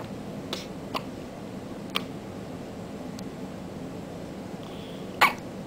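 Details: Infant hiccups: soft, brief clicking hiccups at irregular intervals, about five in six seconds, over steady room noise.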